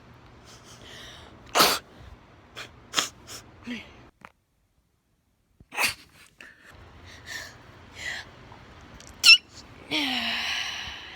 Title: Sneeze Compilation Fail